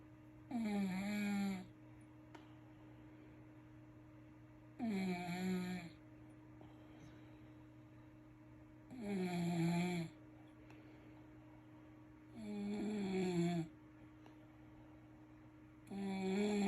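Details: Regular rasping snores about 17 a minute, each lasting around a second, over a steady low room hum; snoring.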